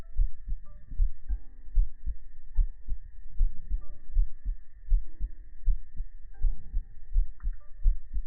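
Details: Heart sound recording for relaxation: steady, soft low thumps at about 80 a minute, an ordinary resting heartbeat with a faint hum behind it; normal heartbeat.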